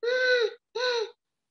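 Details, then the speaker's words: Adult imitation of wheezing in a baby's breathing during a talk on bronchiolitis and respiratory physiotherapy: two short, high, musical whistling tones, a sign of breathing difficulty. "si hay algún ruido sibilante si se escucha eso significa que el moco y si hay pitos que se escucha como"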